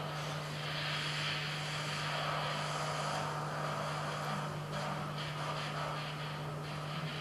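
Instrumental music through a 16-channel cochlear implant simulation: a hissy, rumbling wash with melody and tone hard to pick out.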